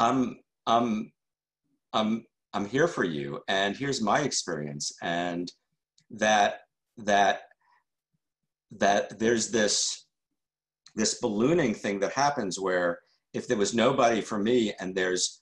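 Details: Adult male journalist who stutters and calls himself a stutterer, answering questions after a talk, with word repetitions: stuttering.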